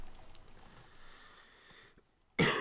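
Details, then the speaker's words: Adult's single sudden, loud, harsh cough at the end of quiet room noise with faint clicks; the cougher is a bit unwell and says it shows in the voice. "Ich entschuldige mich sehr für meinen Husten. Ich bin ein bisschen angeschlagen. Hört man, glaube ich, auch an der Stimme."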